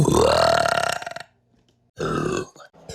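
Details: A burping compilation: one long, loud, rumbling belch, then a shorter second burp after a pause.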